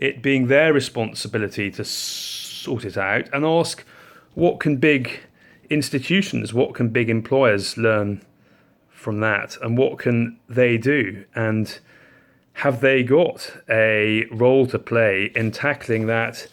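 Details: Adult man with a stammer involving low-level hesitation and occasional blocking, plus harder blocking driven by panic and anxiety; finding: stammering (stuttering).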